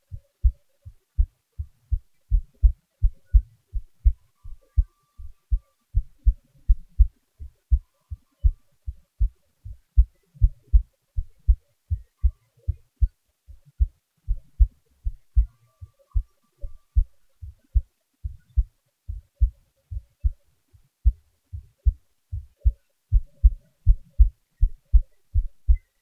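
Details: Own heartbeat, a normal heart sound: steady low thumping at about 80 beats a minute with a faint background hum.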